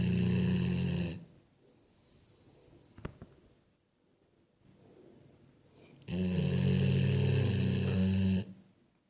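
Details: Sleeping Golden Retriever dog: deep, loud, droning snores with long quiet gaps between breaths; snoring.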